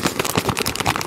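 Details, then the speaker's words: Brief crumpling-paper rustle used to imitate lung crackles, the added cracking sound heard over the chest with a stethoscope during auscultation: crepitus (crackles), simulated. "Sometimes we can feel crepitus, blubbling of cracking noise, something just paper noise, just like this"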